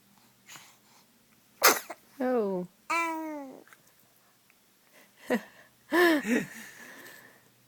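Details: Infant laughing and sneezing: sharp, sudden sneezes with bright giggles and squeals in between.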